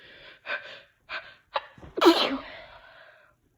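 Several short catching breaths build up, then one sharp, forceful sneeze; a single sneeze.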